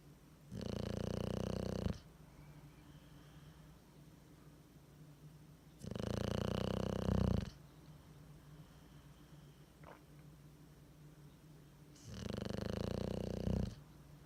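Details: Bulldog (Willie) with tongue hanging out, sleeping: three loud, rough snores about six seconds apart, near 10 a minute, with quiet breathing between; heavy snoring.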